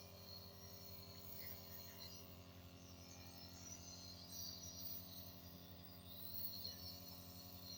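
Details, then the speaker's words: Baby being nebulized for cough, throat trouble and phlegm with a nebulizer kit: steady low mechanical hum with a faint hiss from the running nebulizer compressor. "देखिए, देखो कैसे बच्चा जो है नेबुलाइज़ कर रहा है, ठीक है? इस तरह हम बच्चों को जो है नेबुलाइज़ करवाते हैं जब इनका गला, खाँसी वगैरह आए, बलगम हो तो बच्चों को ये नेबुलाइज़ करवाने का तरीकाकार है, ये देखिए।"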